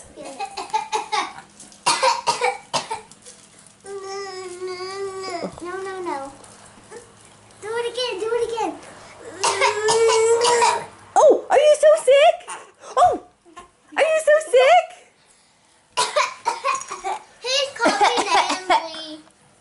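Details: Voluntary (fake) cough: a young child makes short, deliberate pretend coughs mixed with playful sing-song voicing in a small room, while an adult jokingly asks if they are sick.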